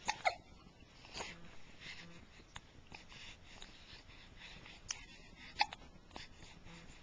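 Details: Several short, sudden gulping catches at irregular intervals over faint room noise: hiccups.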